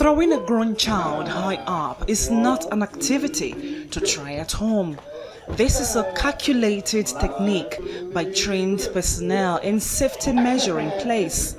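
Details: Adult reporter narrating; fluent speech.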